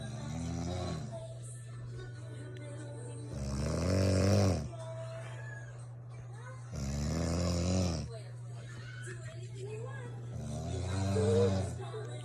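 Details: Wife snoring at 2 a.m., loud enough to wake spouse and cat: loud, regular rattling snores about every three to four seconds, each lasting about a second, over a steady low room hum; snoring.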